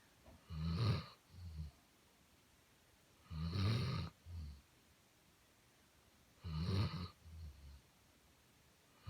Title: Binks, the snoring Basset